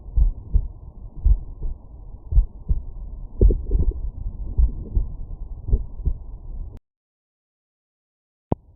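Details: Stethoscope auscultation over the mitral area with the subject lying on the right side: muffled regular low thumps at about 55 beats a minute, then silence and a brief click; normal heart sounds.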